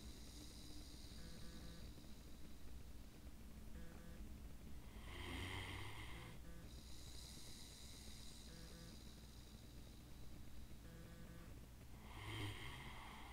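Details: Snoring with drooling during sleep: low rattling snores with snorting on the breaths, heard over quiet background music.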